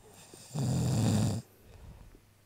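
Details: Adult husband snoring while asleep: one deep, rattling snore about a second long, then quiet breathing; snoring.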